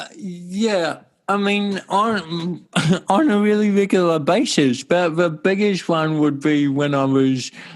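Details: Adult male with cerebral palsy since birth in 1984; his walking and talking were affected from the start; dysarthria (cerebral palsy).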